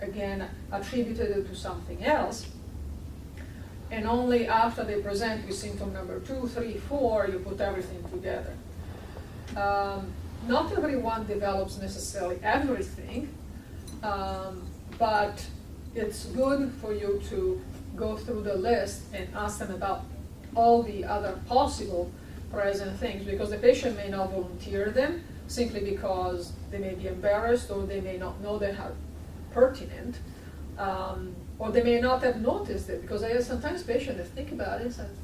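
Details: Adult woman speaking; normal speech.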